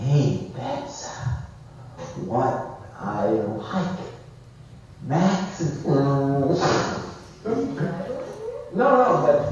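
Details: Broca's aphasia with apraxia of speech in a male patient five years after a stroke that damaged Broca's area.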